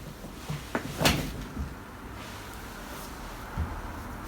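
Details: Chiropractic manual adjustment: a few sharp cracks and pops over quiet room noise, joint cavitation during an adjustment, a normal finding.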